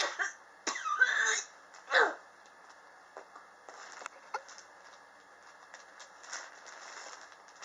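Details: A few short, dry cough bursts and throat sounds in a quiet room from a person whose prolonged cough started in summer 2016 and persists in 2019; chronic cough.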